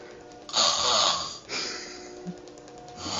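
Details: Sleeper snoring: a harsh, hissing breath noise rises and fades, then another begins; noisy breathing during sleep.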